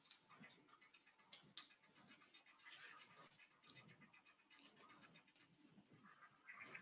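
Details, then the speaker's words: Faint, rapid, hissing pulsed whoosh of a Doppler blood flow signal from a small animal such as a mouse, recorded with a pulsed Doppler flow velocity system and heard through a microphone. "you can probably hear through my microphone you can hear the traditional sound of the doppler flow so that's coming through the computer and often we can recognize the different flow velocities that we're seeing based on that signal and the sound that we're seeing without even looking at the screen"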